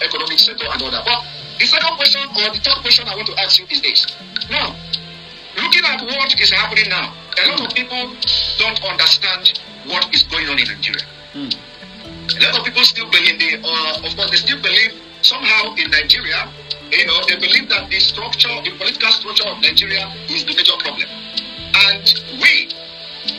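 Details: Adult speakers in interview; normal speech.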